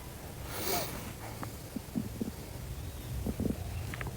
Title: male stomach growl 75